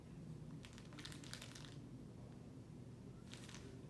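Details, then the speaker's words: An ostomy pouch being touched and moved gives soft plastic crinkling, the normal sound of the bag itself. "so what sound are we talking about here are we talking about the crinkle of the bag this is your ostomy bag this is what it sounds like"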